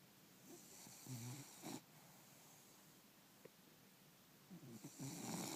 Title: Bulldog snoring